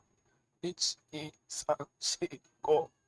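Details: 26-year-old man with adductor spasmodic dysphonia, recorded before surgery; adductor spasmodic dysphonia.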